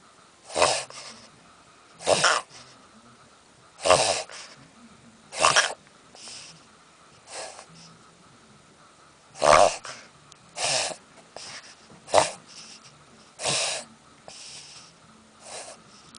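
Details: Shih Tzu, small dog, owner unsure of cause: repeated sharp, harsh gasping snorts every one to two seconds, an episode of gasping, labored breathing; dog shaking afterwards.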